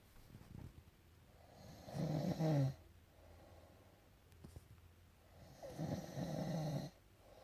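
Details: Male sleeper: two deep, rumbling snores on breathing in, each about a second long, with quiet breathing between; loud snoring.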